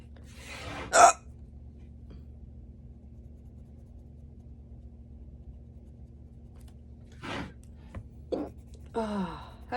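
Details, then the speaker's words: Sudden strong bout of hiccups while working at the end of the day: a single sharp, abrupt voiced catch of breath, then quiet and soft breaths. "but then hiccups started I'm in the middle of something so I'm like you know what take a few minutes let's do a hiccups"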